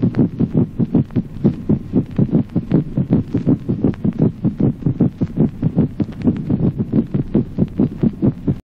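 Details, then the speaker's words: Spanish teaching recording: mitral opening snap in rapid atrial fibrillation; fast, irregular heart sounds with an opening snap, where the rapid succession of cardiac events leaves the protodiastolic gallop rhythm barely perceptible. "ejemplo 18o chasquido de apertura mitral en la fibrilación rápida a consecuencia de la sucesión Veloz de los fenómenos cardíacos el ritmo de galope protodiastólico es apenas perceptible"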